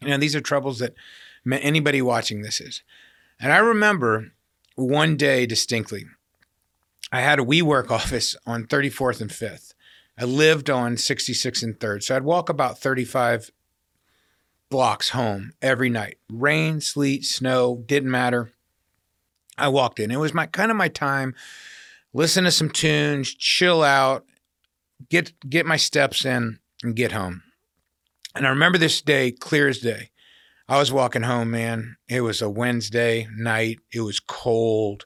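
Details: Adult man; typical speech.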